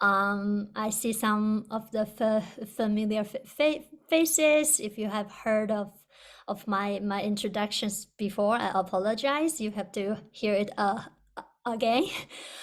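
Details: Person who stutters on a stuttering panel for speech-language pathologists; audible word and part-word repetitions; stuttering.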